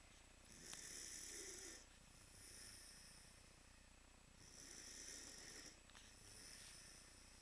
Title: Quinn the Northern Inuit....Snoring